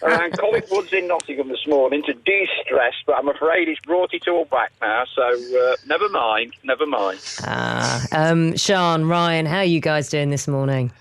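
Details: Adult male speakers on radio, one over a phone line; Normal speech.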